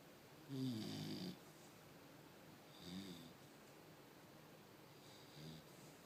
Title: Funny Snoring Bulldog Puppy